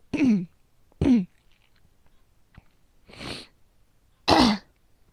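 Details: Persistent coughing from asthma that will not stop; four short voiced coughs and one breathy huff in about five seconds in a quiet room.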